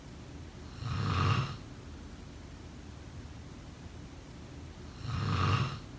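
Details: Snoring during sleep: two rough snores about four seconds apart, roughly 14 breaths a minute, with quiet between them.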